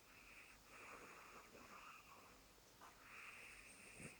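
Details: Snoring cat asleep: soft, whistling, wheezy snoring breaths with faint room noise.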